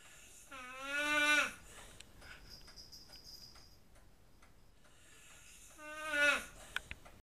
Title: A Very Annoying Snore